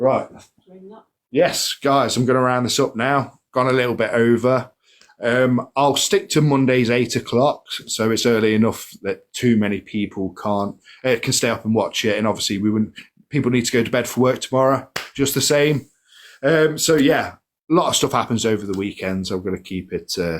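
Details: Adult man speaking; ordinary speech.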